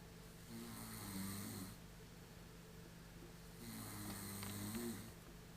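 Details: Two drawn-out, low buzzing snores on inhaling, about three seconds apart, from a person asleep on a couch, over steady room noise; snoring.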